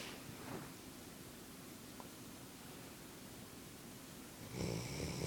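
Soft, rough breathing noise during sleep with a louder snoring breath at the end; snoring.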